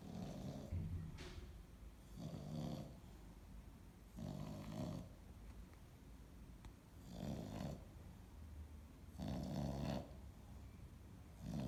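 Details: Dog nicknamed Piglet snoring.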